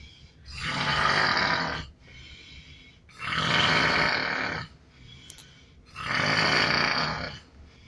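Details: Sleeping coworker offshore snoring: three loud, rough, rattling snores, each about a second and a half long, at roughly 22 breaths a minute, with quiet breathing between.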